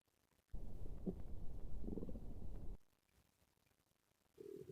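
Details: Low rumbling gurgle lasting about two seconds, then quiet and a brief second rumble; stomach growling, borborygmi.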